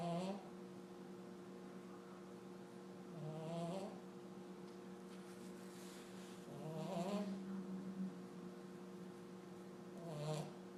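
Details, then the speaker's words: Person sleeping hard, snoring: soft, irregular snores about 18 a minute over a steady electrical hum; ordinary snoring. "for for somebody a snore somebody likes to snore yeah sleeping hard good night"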